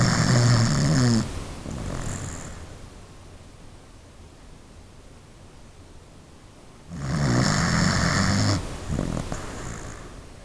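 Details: Sleeping pet dog: loud, deep rattling snores on breathing in, softer breaths out, and long quiet gaps between; dog snoring.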